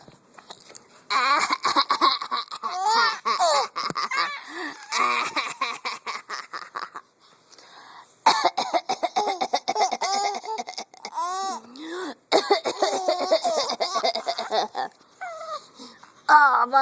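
Short deliberate coughs from an adult, each answered by an infant's bright, bubbling laughter.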